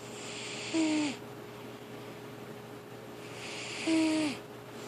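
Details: Cat snoring: two brief buzzy, hissing snores about three seconds apart over a faint steady room hum.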